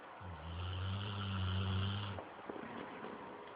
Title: Roxy snoring on the couch..